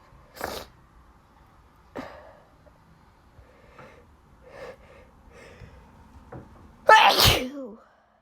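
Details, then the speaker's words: Sneezing fit from allergies, possibly from her cat, after a cold that has gone, with watery eyes; several soft sneezes and sniffs end in one loud, explosive sneeze. "oh that was a wet one sorry and I'm sneezing because of allergies"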